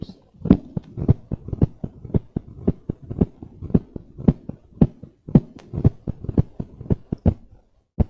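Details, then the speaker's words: Teaching recording: low rumbling mid-diastolic murmur ending in a loud first heart sound, with A2 also heard; mid-diastolic murmur of mitral stenosis. "so there is a murmur which is ending with the sound and then there is another sound that sound is S1 o A2 o and the murmur is ending with the loud first heart sound"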